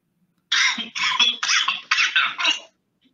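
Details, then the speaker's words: Example cough played in a COVID-19 cough-type challenge: a run of about six short, harsh coughs in quick succession; the examples are described as a wet cough and a dry cough with a metallic sound; cough. "that's what we that's what we call a webcaf and a dry cuff you can you can you can listen that it has like a kind of metallic sound"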